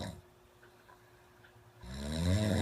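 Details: Friend snoring loudly, disturbing others trying to sleep: after a quiet stretch, a loud, low, rattling snore starts on breathing in.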